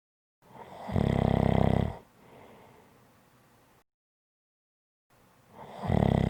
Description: This is a 5 1/2 minute audio clip of Snoring.